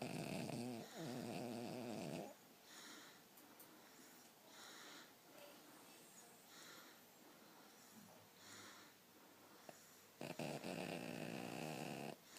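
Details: Sleeping King Charles Spaniel snoring: rhythmic rasping snores, with louder noisy stretches at the start and end.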